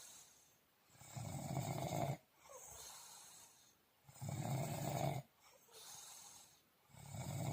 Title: Deep sleep with snoring